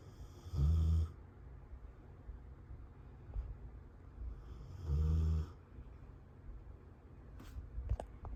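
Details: Snoring during sleep: two loud, deep, buzzing snores about four seconds apart over steady room noise.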